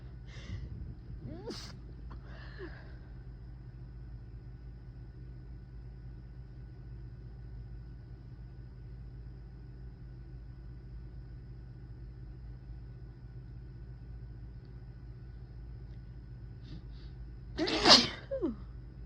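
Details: Induced sneezes from an intense tickle: a couple of soft stifled sneezes at the start, a long quiet stretch, then one louder sneeze near the end.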